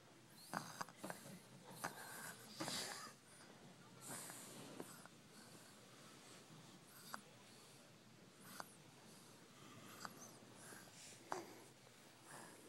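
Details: Soft, irregular snuffly breathing with brief sharp snorts; sleeping baby snoring with noisy nasal breathing.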